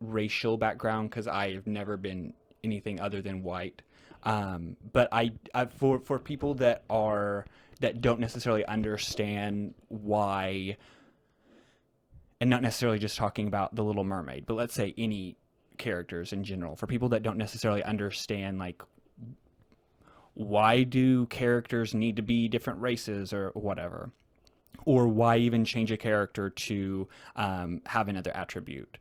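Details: Real conversational speech from a man who stutters, a returning podcast guest describing a social strategy game; repetitions are audible; stuttering.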